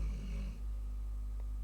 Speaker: That's my dog snoring in the background. I don't know if you can hear him or not. He's cute when he dreams.